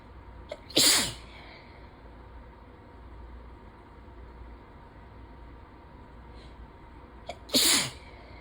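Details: Two sharp, explosive allergic sneezes about seven seconds apart over steady background rain; ragweed season, nose suddenly very sensitive after itching and teasing.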